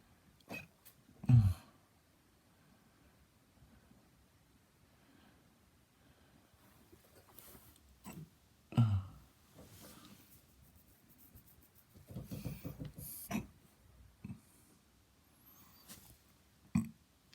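Soft, low, abrupt gulping sounds recurring irregularly, about eight a minute, in a quiet room: hiccups.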